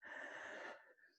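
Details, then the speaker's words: An adult coughs repeatedly while recording a spoken tutorial. "sorry for the coughing. Maybe I'll do bright."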